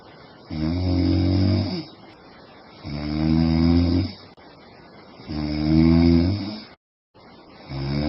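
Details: Loud, regular, low rattling snores on each in-breath, about 25 a minute, with quiet out-breaths between, from a sleeping woman.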